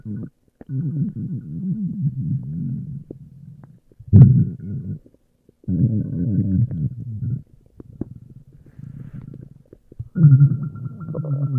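Several low, drawn-out, groaning rumbles with short pauses between them, ordinary stomach growling; normal.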